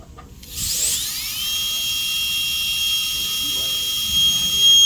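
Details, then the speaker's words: High-speed dental drill with 330 bur (0.6 mm) on a mandibular second premolar, Class II MO amalgam cavity preparation, extending for 0.5 mm proximal clearance: steady high-pitched whine spinning up and cutting tooth. "And then since 0.5 clearance needs to be extended about this much, so I'm going to place the burr slightly."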